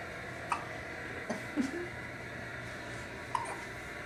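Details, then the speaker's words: Little girl with hiccups in the morning, described as very violent; repeated hiccups. "how's the little girl doing it has the hiccups that's the hiccups huh"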